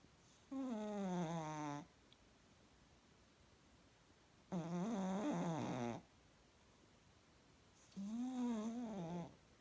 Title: Cat snoring